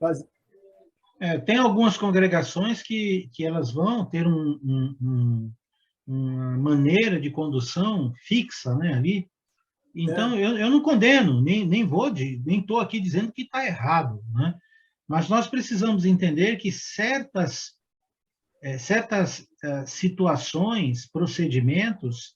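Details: Adult man speaking Portuguese; ordinary speech.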